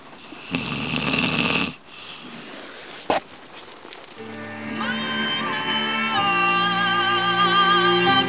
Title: dont you just love it when you catch people snoring on camera!